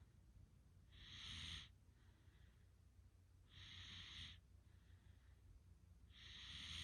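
Slow, rhythmic breathy rasping on each breath, about three in under seven seconds, with quieter sounds between; snoring during sleep.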